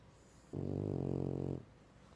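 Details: A single low, rumbling snore about a second long from a sleeping French Bulldog.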